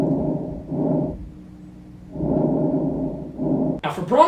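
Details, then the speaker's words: Normal vesicular breath sounds: soft, low rustling breaths with a longer inspiration and a shorter, fainter expiration, quieter than bronchial sounds. "for vesicular it has longer inspiration period and shorter expiration VE for shorter expiration and vessie for longer inspiration it also has reduced breast sounds bicular reduced"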